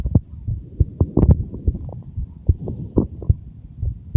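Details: Heartbeat of a 23-year-old: low thumping beats with a steady hum and some background rustle; an ordinary heartbeat.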